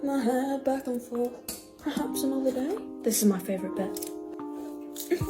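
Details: Woman with Tourette syndrome whose speech is interspersed with vocal tics while she is cooking; finding: vocal tics (Tourette syndrome).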